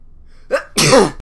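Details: Quick in-breath followed by one sharp, explosive, awkward sneeze captured while recording; sneeze.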